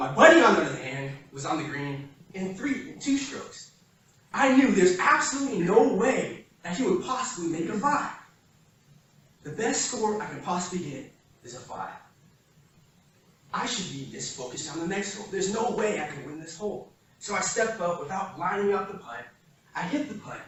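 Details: Adult man who has stuttered since he began speaking, at times needing minutes for one sentence; real speech from his own 2013–2019 recordings made while working to improve fluency. Finding: stuttering.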